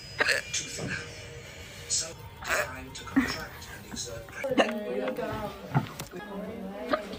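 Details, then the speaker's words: Repeated hiccups recurring throughout the day, "really bad", after seeming to stop: about six abrupt short hiccup sounds at irregular intervals over music and room noise. "I keep getting the hiccups today. It was really bad."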